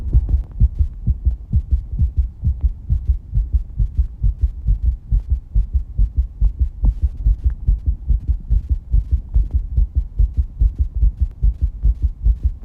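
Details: 19-year-old female after exercise, with heavy breathing and some breath-holding: rapid, regular low thumping heartbeat at roughly 140 beats a minute with a steady low hum behind; fast heartbeat after exercise.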